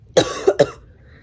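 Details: Two short loose coughs in a quiet room from an adult with bronchitis after likely influenza A, day 5+ of illness, on antibiotics.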